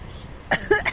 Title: I think me coughing is entertaining for him 🤣 #baby #babyvideoslaughing #cutebaby